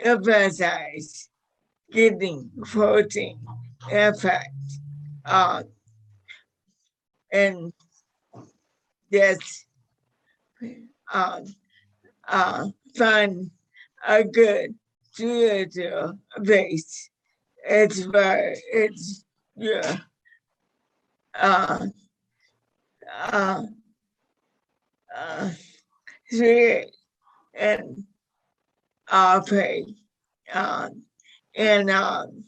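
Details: 61-year-old woman with motor neuron disease diagnosed five years earlier, with a 2–5 year prognosis at diagnosis; severity varies day to day; managed with a carnivore diet; dysarthria.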